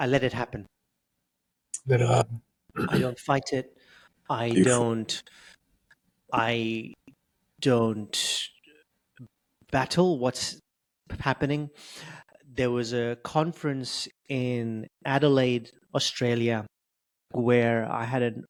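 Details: Adult male who has stuttered since age 10, with blocks, prolongations and repetitions; stuttering.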